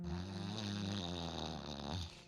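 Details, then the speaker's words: Single deep, low, rattling snore on an in-breath, about two seconds long, then quiet. Adult man snoring on his back; his partner reports he stops breathing during sleep. Loud snoring in obstructive sleep apnea. "it usually happens when he's on his back and then he will just he gets into that deep snore like that"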